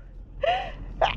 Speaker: yeah it just happens I always sneeze that way have you ever heard me sneeze quietly